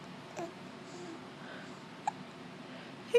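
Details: Hiccups in a baby, who appears to be smiling: three brief, sudden hiccup sounds spaced about a second or more apart over a faint background hiss.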